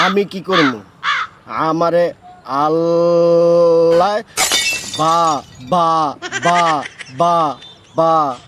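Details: Acted stuttering by a performer playing a stutterer in a Bengali comedy skit, with repeated syllables; stuttering (acted).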